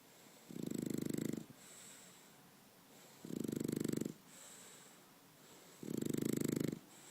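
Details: French bulldog snoring as he falls asleep: buzzing, vibrating snores on each breath in, about every 2.7 seconds (roughly 22 per minute), with softer breaths out.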